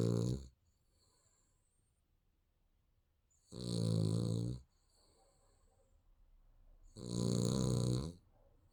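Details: Sleeping baby snoring: loud, low rattling snores on each breath in, about every three and a half seconds, with quiet breathing out between them.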